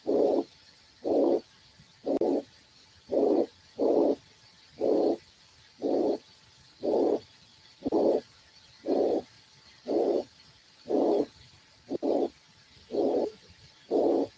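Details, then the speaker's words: A harsh blowing murmur recurs with each beat, about 59 a minute, over a steady background tone. It is played as a teaching example of a ventricular septal defect (left-to-right shunt) murmur. "ese más o menos para que vean cómo sopla un CIB."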